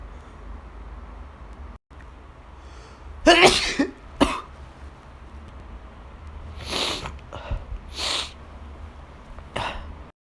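Several sharp, explosive bursts with breathy gasps between them over a steady low hum; a run of about five sneezes.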